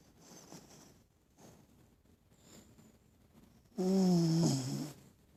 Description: My dog is snoring and sleeping with his eyes open so creepy!